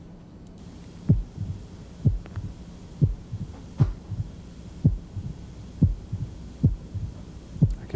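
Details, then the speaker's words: Pericardial knock: regular rhythm about 64/min with a sharp early diastolic extra sound, at lower left sternal border and moving outward. The patient has a surgical scar, proximal muscle wasting and systolic chest-wall retraction. It mimics an opening snap, but there is no apical murmur. "now you might say hey that sounds a lot like that mitral opening snap and it does sounds a lot like the opening snap of that moderate mitral valve stenosis but there's no murmur at the apex"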